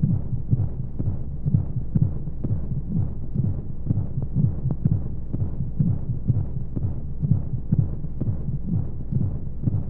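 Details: Womb-sound sleep aid for babies: fast rhythmic whooshing heartbeat, about 125 beats a minute, over steady rushing white noise and flowing sounds, like sounds heard in the womb.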